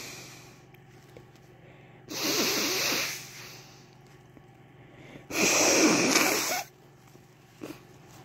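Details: Two sharp, hissing sneezes a few seconds apart in a quiet room; sneezing.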